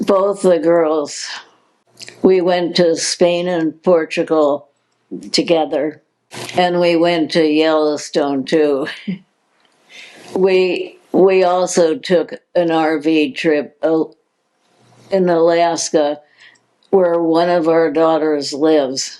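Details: Adult woman diagnosed with progressive supranuclear palsy, a progressive neurological disease with no cure: hypokinetic-spastic dysarthria in progressive supranuclear palsy.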